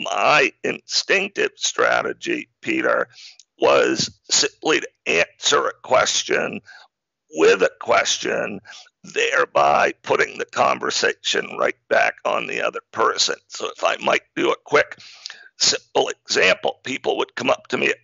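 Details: Man diagnosed in 2012 with spasmodic dysphonia, a rare neurological speaking disorder causing partial voice loss and communication difficulty, still audible; real speech showing spasmodic dysphonia.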